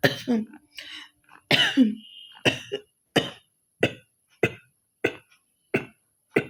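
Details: Acted coughing challenge by an adult woman who says she has a bit of a cough: hawking throat-clearing at the start, then about ten sharp, forceful coughs.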